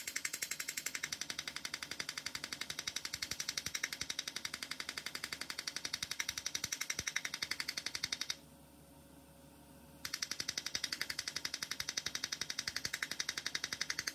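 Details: Erbium YAG laser removing an epidermal nevus in a female patient under anaesthesia: rapid regular sharp snapping pulses, about three per second, with one brief pause; laser firing.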